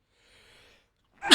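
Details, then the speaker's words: Gaming livestreamer announces a sneeze: a faint breath in, a pause, then a sudden loud hissing sneeze burst, cut off. "And it's easy. I'm going to sneeze."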